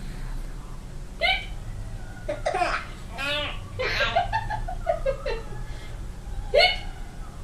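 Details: Young child with ordinary hiccups: two sharp hiccup catches a few seconds apart, with giggling and babbling between, as mother imitates the hiccups.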